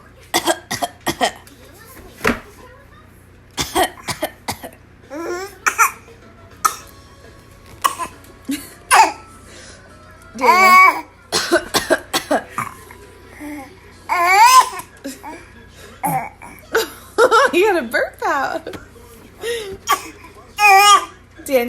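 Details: Voluntary imitated cough from an infant who has mimicked coughing since about 4 months old: short, playful cough-like bursts mixed with babbling and squeals, imitation rather than illness.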